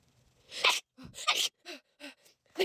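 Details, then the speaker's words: Deliberately induced sneeze after needing to sneeze for over 13 hours, possibly using a "cylinder thing": several sharp, breathy bursts with quick catching inhalations. "I've been needing to sneeze since [ __ ] 9:00 a.m. this morning and it's currently 10:00 p.m. So, I've been needing to sneeze for over [ __ ] 13 hours."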